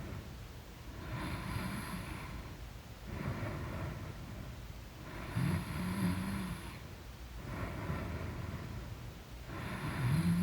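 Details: Loud, deep rumbling snoring in deep sleep, about 14 breaths a minute, some snores with a low buzzing vibration.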